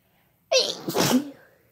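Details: Sneezing compilation with female and male voices: a single loud sneeze, a sharp in-breath then an explosive burst that trails off.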